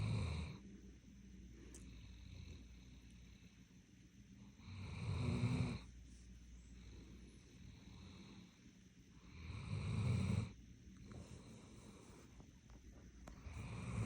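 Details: A Doberman in deep sleep gives slow, deep, rumbling snores, about 13 a minute, each rising and fading with the breath in a quiet room: snoring.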